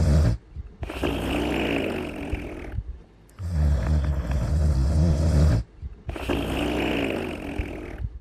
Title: Little Einsteins & Friends: Cooler's Cutest Snoring in 42 seconds